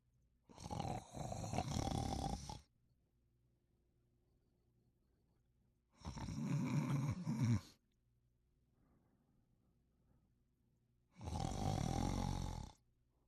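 Three loud, rough, rattling snores on the inward breath, each about two seconds long, spaced roughly every five seconds, about 12 breaths a minute.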